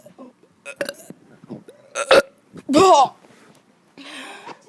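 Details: Child deliberately burping: several short throaty belches among brief vocal sounds, one long drawn-out burp.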